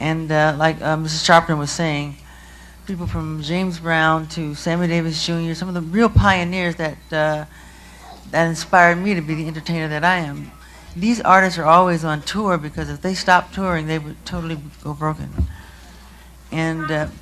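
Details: Adult male speaker; Normal speech.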